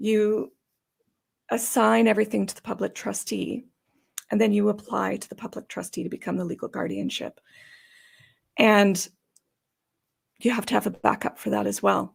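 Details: Adult woman with idiopathic subglottic stenosis for about 12–14 years, treated with repeated tracheal dilatations and surgeries; she says she may sound gravelly or gasping for breath from the tracheal surgeries. Dysphonia (subglottic stenosis).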